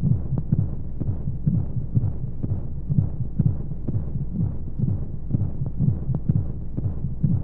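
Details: Womb-sound sleep aid for babies with white noise: regular muffled low heartbeat thumps at about 125 a minute over a steady whooshing hum, as heard from inside the womb.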